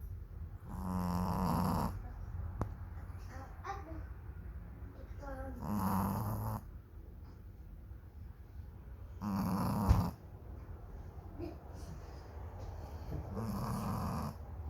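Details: Lhasa Apso puppy snoring like a human: slow, rhythmic, fluttering snores about every four seconds, with quiet pauses between them in a small room.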